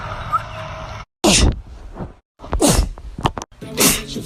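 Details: A person sneezing three times: three sharp, explosive bursts of air separated by brief pauses.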